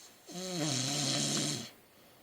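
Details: Snoring: a single loud, rattling snore on an in-breath, with a buzzing, slightly tonal quality from throat vibration, from a sleeping husband.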